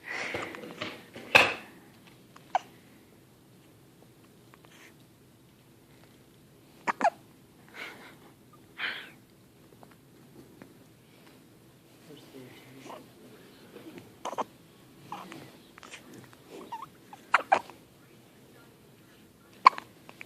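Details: Newborn, a few days old (4–8 days) who often gets hiccups: short, sharp hiccup sounds repeating at irregular intervals in a quiet room; newborn hiccups.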